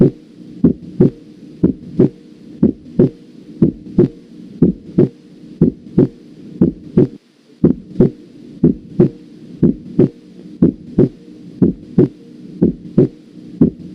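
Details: Normal second heart sound (S2), regular rhythm about 60 beats per minute, loudest at the aortic and pulmonary areas, heard with the stethoscope diaphragm.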